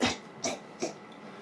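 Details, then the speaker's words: A dog coughs in three short, dry hacking bursts, like throat-clearing; the owner says it chews a calf hoof or licks the sofa, swallows hairs or bits, and is often heard in the background. "Alors après il fait ça, et quand moi je tourne les vidéos, ils sont en train de bouffer de manière un peu trop intense, et Gaga son sabot de veau, soit il me lèche le canapé, donc il avale des poils ou des morceaux, et il passe en fond de vidéo, on l'entend tout le temps"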